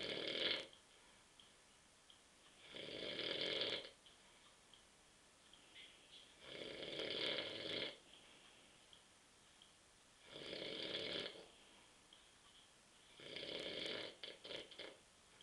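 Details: Adult man (husband) asleep on a sofa at 9:30 p.m. after too many beers, with rough, rattling inspiratory snores, about five in fifteen seconds, and quiet pauses between; ordinary sleep snoring.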